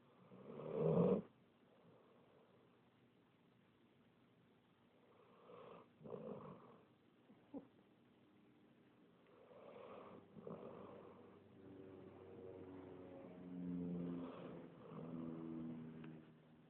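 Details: Sleeping cat snoring until she wakes herself up: a loud snorting breath, then soft rumbling snoring breaths in a quiet room; snoring.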